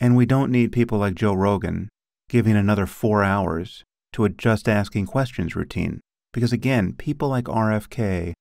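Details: Adult male speaker; typical speech.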